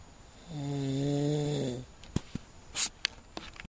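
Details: One long, low, rattling snore on a breath in lasting over a second, followed by quiet with small clicks and a brief rustle; snoring.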